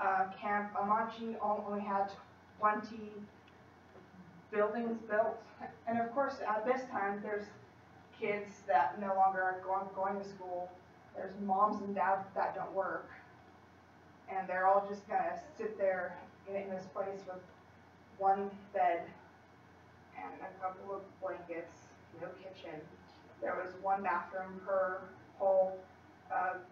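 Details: Female college student who stutters, giving a practice presentation to 10-15 people at her speech therapy clinic; stutters more before unfamiliar people or large audiences, sometimes struggles to use her speech technique, tries not to substitute or avoid words; stuttering.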